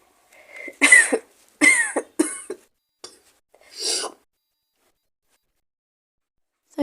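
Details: Acted roleplay by a woman playing a sick girlfriend in bed with a cold and fever: about four harsh coughs, then a softer throaty cough, in a quiet room.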